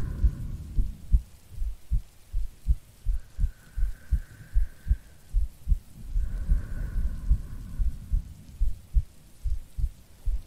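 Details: Steady paired low thumps at roughly 75 a minute over soft rain, from an ASMR recording of a woman's heartbeat and breathing; normal resting heartbeat.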